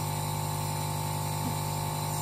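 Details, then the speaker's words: Steady loud motor hum and buzz of a LANVID portable compressor nebulizer running with distilled water in the cup, mouthpiece attached, producing mist; compressor nebulizer running. "I'm gonna put some distilled water into the cup to show you today and we're gonna turn it on notice you get some good steam"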